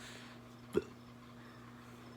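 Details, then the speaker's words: Aborted sneeze at 3 AM: an expected cough turned into a stifled sneeze into the arm that came out like a burp and a cough, a single brief muffled throat burst. "i kind of expected a cough and i went for the sneeze you saw that area i went up my arm first knees but it came out like a burp and a cough that was probably pretty gross"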